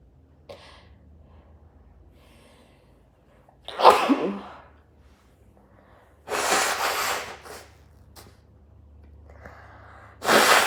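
A sharp, muffled sneeze, then a long forceful nose blow and a second blow at the end.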